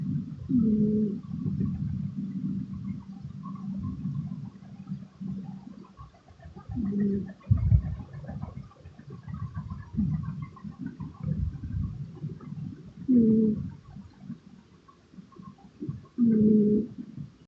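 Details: Male cat snoring while asleep; he sleeps a lot, and the owner hopes it is not an ENT issue. Low rumbling breaths with short cooing, tonal snores every few seconds, about 19 a minute.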